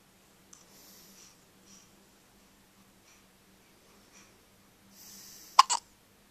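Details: Early morning hiccups: faint, brief, repeated catches of breath in a quiet room, with a sharper pair near the end.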